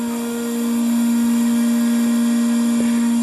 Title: Suction Machine - Operating and Troubleshooting